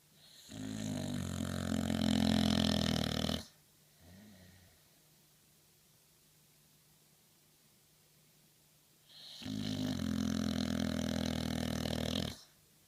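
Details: Sleeping dog; two long, loud rumbling snores about six seconds apart with quiet breathing between; steady snoring.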